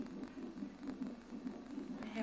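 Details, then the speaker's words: Fetal heartbeat on a monitor during labour: rapid, rhythmic whooshing pulses mixed with the mother's slower pulse. The baby's rate rises when moving, then settles. "So Your next, little heart, can you hear your little heart beating? quite impressive, really."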